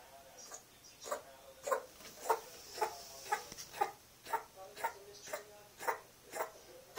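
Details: Male pet just under 7 months old, coughing in bouts for a few weeks, cause unknown: a run of about twelve quick, squeaky coughs, roughly two every second.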